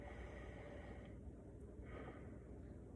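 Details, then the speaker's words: Stethoscope on a male patient's back during a health assessment as he takes a deep breath: soft airflow swells over low room rumble, even on both sides with symmetric breathing and no abnormalities. Normal breath sounds. "one okay seems to have normal breath sounds and normal symmetry when he's breathing um don't feel any abnormalities in his back"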